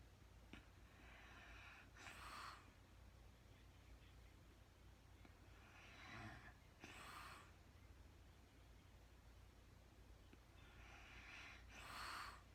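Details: Quiet, rhythmic snores, each with a soft snort, about every five seconds (roughly 12 a minute) over low room hum from a woman sleeping in real time after being super tired; snoring.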